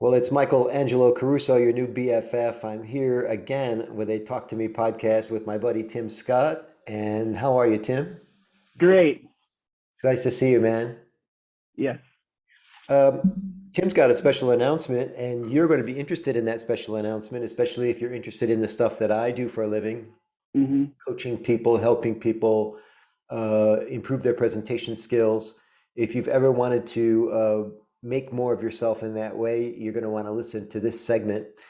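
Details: Adult male speakers, podcast conversation; normal conversational speech.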